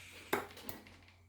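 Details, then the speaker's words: Prototype low-cost ventilator set to 100% oxygen: a sharp click, brief hiss and softer second click as only the red injector valve opens, keeping the same flow and filling volume; ventilator injector valve opening. "O que faço agora, se eu colocar 100% oxigênio, eu tenho só a abertura da válvula em vermelho."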